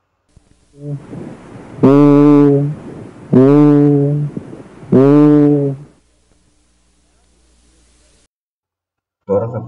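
Three sustained, buzzy vowel sounds come through the stethoscope over consolidated lung, the patient's spoken "ee" taking a nasal, bleating quality: egophony.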